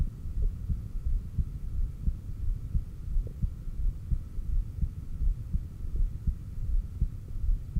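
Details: Heartbeat recorded with a stethoscope at the apex during exhaled (stomach vacuum) and inhaled breath-holds, with SpO2 shown on an oximeter. Regular low beats, about 87 a minute, sound over a steady hum. Normal heart sounds.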